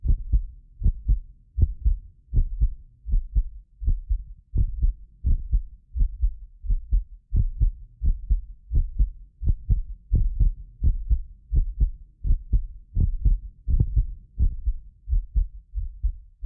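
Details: Heartbeat of a self-described medically fit person, recorded with more than six precision contact microphones; deep steady lub-dub about 85 a minute, occasional doubled click from the roughly 6 ms microphone delay, not the heart; normal heart sounds.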